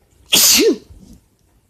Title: Bf sneezes allergies or cold? (M)